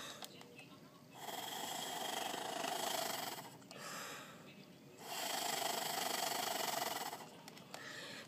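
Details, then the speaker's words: Two long blown exhalations with a rapid fluttering buzz: a hospitalized cystic fibrosis patient on IVs via PICC line blowing into an Acapella oscillating PEP device to vibrate the lungs and loosen mucus. "This is called an acapella, and what happens is I blow into it, and when you blow into it, it shakes, and it vibrates inside my lungs, so it helps me get the junk out."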